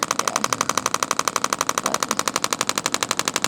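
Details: Radial shockwave therapy on a focal deltoid trigger point of an adult man with shoulder pain, discomfort a bit above 6; rapid very regular sharp clacking pulses about four per second.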